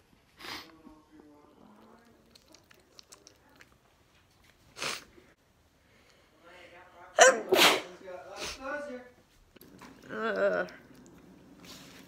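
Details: Several sharp sneezes, some in quick succession, with quiet talk and soft background noise, from a person with seasonal allergies.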